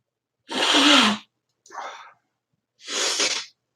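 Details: A sneeze from an adult with allergies who uses a fluticasone (Flonase) nasal spray and has COPD.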